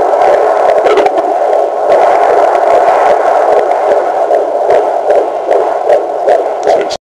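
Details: Rapid whooshing pulses over static hiss, a fetal heartbeat on Doppler at roughly 150 beats a minute in a first pregnancy.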